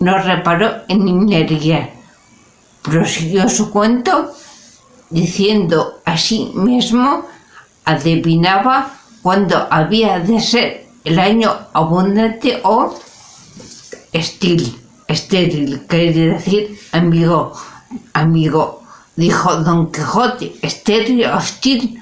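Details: Spanish-speaking adult with aphasia, a member of an aphasia association, reading Don Quijote chapter XII aloud in a pre-recorded session; aphasia.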